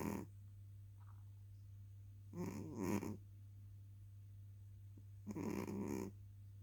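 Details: Slow, rough snoring breaths repeating at a steady pace over a low background hum; ordinary snoring.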